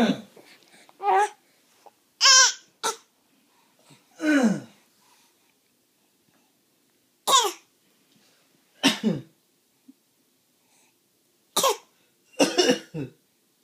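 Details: Young child pretending to cough: a series of short, deliberate voluntary coughs mixed with voiced, playful sounds.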